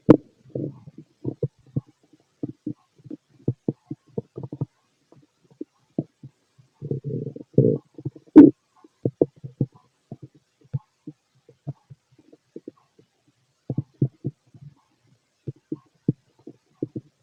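Frequent short gurgles and clicks with a few longer rumbles from the abdomen; ordinary active bowel sounds.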